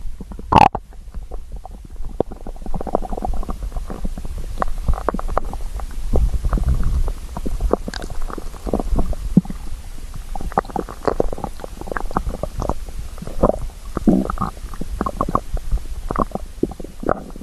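Low gurgling and rumbling abdominal sounds come and go throughout, typical of stomach growling from an empty, active gut.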